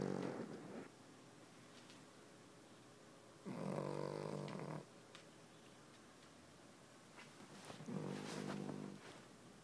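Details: Sleeping Cavalier King Charles Spaniel in a quiet room: three rough, rattling snoring breaths about four seconds apart. Snoring.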